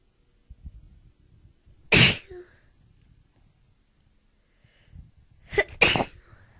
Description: Really short but pretty good build up and crazy sneezes!